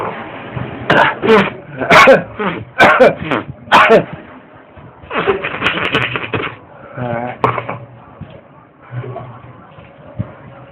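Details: Male ('boy') straining to sneeze: a series of short, harsh throat-clearing and huffing bursts, some voiced, then quieter efforts, throat clearing around a struggling, failed sneeze.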